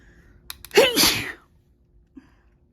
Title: Spray sneezes